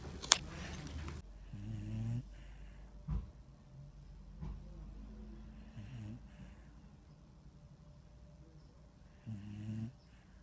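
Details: Snoring in a sleeping dog: soft, low snorting snores, about one every four seconds, in a quiet room.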